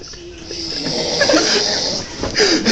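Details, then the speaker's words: Sleeper snoring heavily, called "like a monster": a loud, harsh, rasping breath noise ending in a snort; heavy snoring. "is snoring like a freaking monster listen to this"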